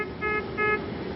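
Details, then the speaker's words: Puritan Bennett 980 ventilator in a simulated training demonstration: repeating electronic tones over steady machine hum as the two-tone lower-priority alarm escalates to the three-tone high-priority alarm, signalling the last four or more breaths exceeded a set limit. "and the first to tone sound is the lower priority alarm sound if that alarm continues it will escalate to a three tone sound"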